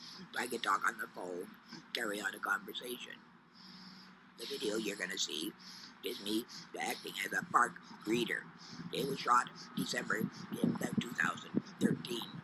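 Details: Man after total laryngectomy using esophageal speech as his main communication, trapping air and releasing it burp-like to vibrate the upper esophagus; finding: esophageal speech after total laryngectomy.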